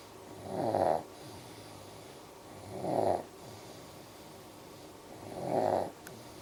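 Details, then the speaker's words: Sleeping baby boy snoring with his butt up in the air: slow, rhythmic rasping snores on each breath, about 25 a minute, with quiet gaps between. "sawing logs with his bum in the air."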